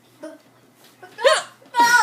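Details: Adult woman with persistent hiccups while her child repeatedly shouts "boo" to scare them away: several abrupt, sharp, squeaky voiced catches of breath a fraction of a second apart.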